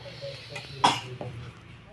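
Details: Single short, sharp cough, followed by a smaller catch of breath, in a quiet room; H suggests a young child.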